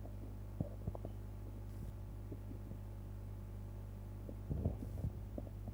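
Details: Stomach rumbling after eating pizza: irregular soft gurgles and pops over a steady low hum, ordinary bowel sounds after a meal.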